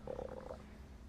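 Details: Stomach growling (borborygmi) during casual talk.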